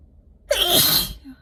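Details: Adult on day 2 of a head cold, alone in a car with nose running, doubled over: a single forceful, explosive sneeze with a sharp hissing burst of air.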